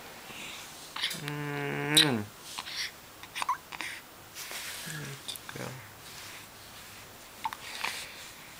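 An infant hiccups with short, abrupt catches, mixed with a brief voiced coo or whimper, in a quiet room.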